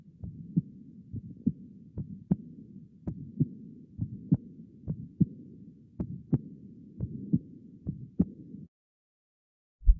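Steady heart sounds near 63 a minute with a continuous low murmur between beats, from aortic regurgitation and mild stenosis.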